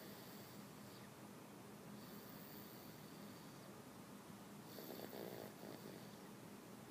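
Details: Snoring during sleep: soft, rough snoring breaths over steady room noise, with one louder snorting breath near the end.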